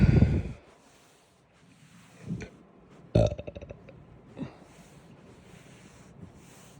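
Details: After breakfast, burping followed by hiccups: a loud burp, a softer throat sound, then a long croaky burp; ordinary belching of swallowed air.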